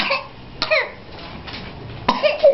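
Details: Child with whooping cough (pertussis) fit, struggling to breathe: harsh coughing bursts with long, squeaky, strained breaths between them.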